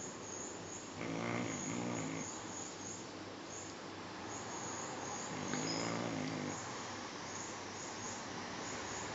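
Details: Sleeping pet: two soft snoring breaths over steady background hiss; snoring.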